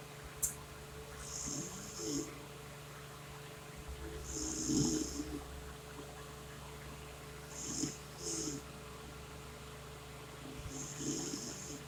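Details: Mother's ordinary snoring with rough, rumbling snores every few seconds, irritating her 4-day-old newborn, who fusses faintly; steady background hum.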